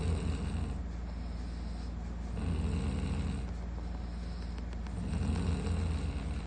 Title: Snoring 100%😅#fypshorts #fypyoutube